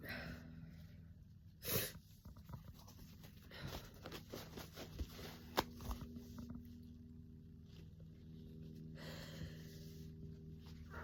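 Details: Messy, rapid, violent sneezing in a person with a summer head cold: one sharp, explosive sneeze, then quieter sniffs, snorts and rustling over a low room hum.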